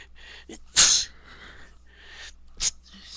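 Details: Two sharp, hissing sneezes over quiet room hum, the first much louder, triggered by loose dog hair tickling the nose; sneezing.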